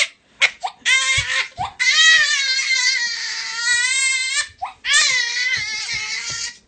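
High-pitched, sustained infant cry with rhythmic wails separated by brief breaths, in a small room.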